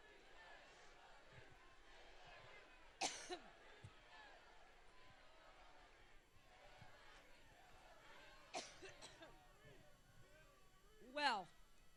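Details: Three short, sharp, dry-sounding cough bursts from an adult woman at a political rally, heard through steady crowd murmur; an intermittent cough.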